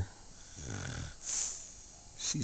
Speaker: she's snoring. Three in the morning. I'm glad somebody's getting some sleep.